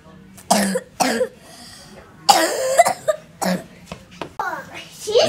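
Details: Bad cough in a 5-year-old autistic boy taken to the doctor: several harsh, abrupt cough bursts with some throat clearing, mixed with brief voice sounds.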